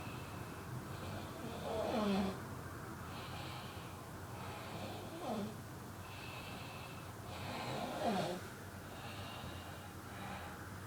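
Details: Soft snorting snores about every three seconds over steady room noise; ordinary sleep snoring from an adult man (boyfriend).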